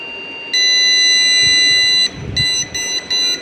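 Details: Loud high-pitched electronic tone, one long then several short bursts, as a ventilator switched on at its rear button runs its start-up self-test before being set up for an intubated patient: ventilator self-test beeps.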